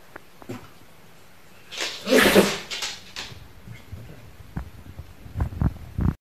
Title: My funny dog Dini the bullterrier does a cute sneeze!!! #cute #animals #funny #dog #bullterrier